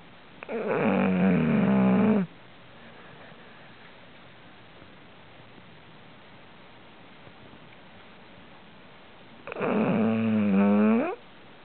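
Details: Two long droning snores from a sleeping animal about nine seconds apart, with quiet breathing between.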